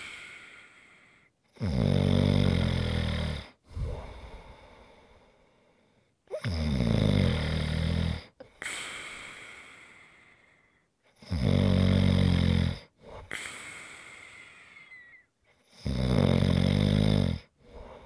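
Loud, rattling snores on each breath in, with quieter breaths out, about 13 breaths a minute.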